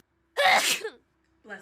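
A single loud, explosive sneeze with a sharp burst of breath, then a short pause and a brief voiced sound.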